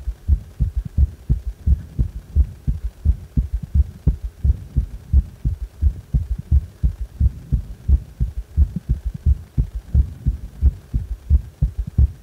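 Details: Heart sounds with a strong third heart sound: regular rhythm about 87 beats a minute with a low extra sound early in filling.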